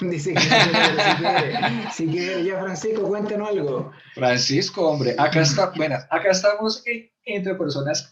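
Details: Man aged 41 who stutters; stuttering.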